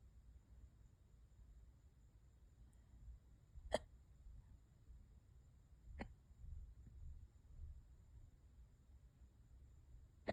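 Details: Worst-ever hiccups, lasting for hours and getting worse: two sharp, abrupt hiccup sounds a couple of seconds apart in a quiet room.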